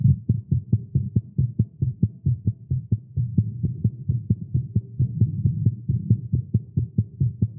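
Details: Male's rapid, strong, deep thumping heartbeat at roughly 135 beats a minute over a low hum, recorded live after exercising with caffeine; tagged irregular heartbeat; fast heartbeat.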